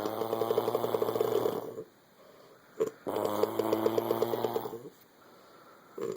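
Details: Female sleeper snoring like a dirt bike, two sounds at once: two long, loud, buzzing snores with a rapid revving flutter, separated by quiet exhalations; she denies snoring; vibratory snoring.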